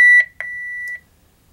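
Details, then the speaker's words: Short high electronic beeps, one held briefly, from a Baxter HomeChoice Pro peritoneal dialysis cycler prompting during setup for a nightly 10-hour session. "and now press go to start this is a homechoice pro by Baxter"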